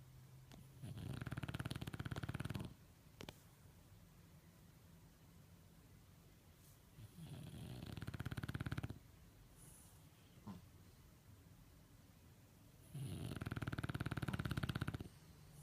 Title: snoring at Home